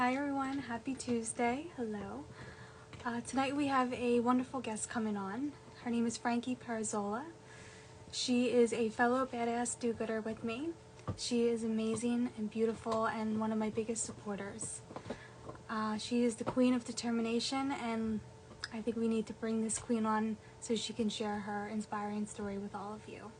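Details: Adult woman speaking; ordinary speech.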